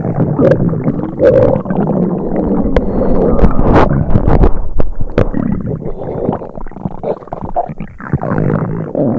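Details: Simulated upset-stomach sound effect: loud, continuous low gurgling and rumbling with bubbling pops, imitating stomach rumbling.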